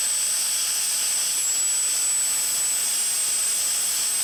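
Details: Steady, very high-pitched whine with hiss of a high-speed dental drill, smoothing and recontouring the remaining roots after distobuccal root amputation of an endodontically treated maxillary first molar with periodontal bone loss.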